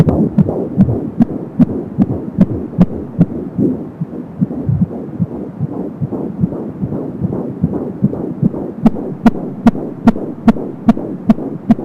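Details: Fetal heart sounds at 17 weeks of pregnancy on an Angel Sound home Doppler: rapid, regular whooshing pulses at about 170 beats a minute; the swooshing sound is umbilical cord flow.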